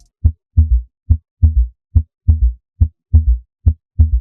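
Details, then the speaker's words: S3 gallop (third heart sound): regular low heartbeat at about 70/min with an extra dull thud right after the second sound, giving a "Kentucky" cadence. "It has the cadence of the word Kentucky. Kentucky. Kentucky."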